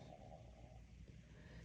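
Faint, low rumbling and gurgling with a brief higher tonal groan early on: stomach growling (borborygmi).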